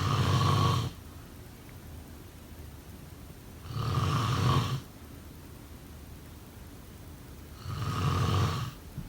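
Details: Low rumbling snores on each breath, about 16 a minute, with quiet pauses between; steady snoring during sleep.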